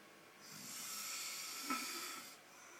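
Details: Husband snoring again in his sleep: one soft, hissing breath through the nose and mouth with a faint rattle, a light snore.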